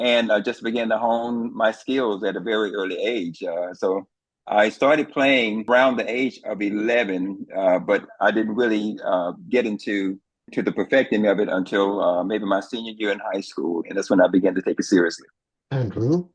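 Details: Adult man; typical speech.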